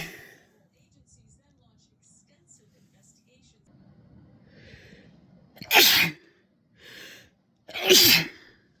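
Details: Sneeze compilation of someone who is sick: quiet sniffing, then two loud forceful sneezes with a smaller burst between them.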